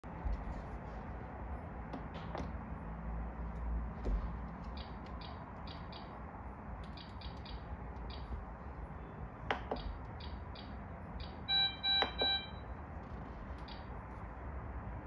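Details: Patient monitor (PROMISE PRO-M12D) in demo mode during setup: short high button beeps, then a longer tonal alert near the end over quiet room noise; patient monitor beeping.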